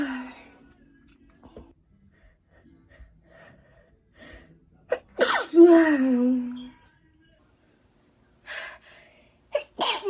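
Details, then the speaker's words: Rising gasping in-breath, then a loud explosive sneeze with a trailing voiced 'ahh' and brief further bursts, from a person who says looking at the sun makes them sneeze; sneeze. "IF I EVEN JUST LIKE LOOK AT THE SUN, I'll sneeze. I need to sneeze. Why am I always sneezing in videos?"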